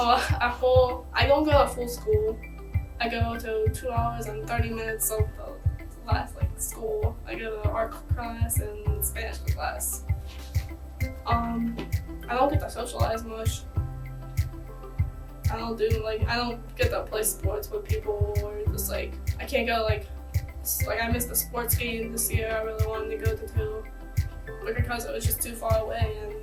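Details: Teenage female high school soccer player with an acquired stutter and speech impediment after a concussion from a kick to the head, with vertigo and walking difficulty, recorded before upper cervical chiropractic care; stuttering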